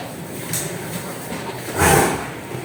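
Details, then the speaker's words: Cough in a Javanese cross Ongole (Jawa cross pegon) cow, preceded by lethargy, hypersalivation and reduced appetite; owner suspects dusty or coarse concentrate feed irritating the throat; treated with Trimisin bolus for infection: harsh "grok" coughs. "Ee kadang kala berdebu atau gilingannya kurang tipis atau kurang lembut sehingga ee apa ya? Nyokrok, menusuk-nusuk di kerongkongan sehingga seolah-olah dia kayak dibatukkan gitu, di cekrek-cekrekkan gitu."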